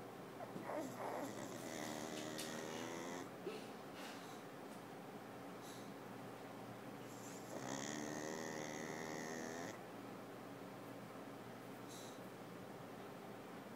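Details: Pug, a flat-faced dog, sleeping with loud rattling snores, two long noisy breaths over about fourteen seconds.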